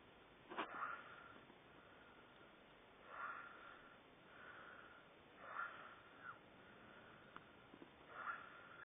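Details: Sleeping friend making several short snorting, sniffing breath noises at irregular intervals, about one every two to three seconds, in a quiet room; snorting.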